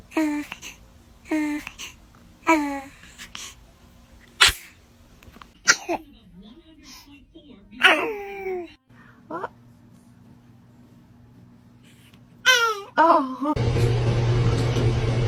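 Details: Baby sneezing: several small, high-pitched infant sneezes and squeaky cries in a quiet room, burst of loud noise at end.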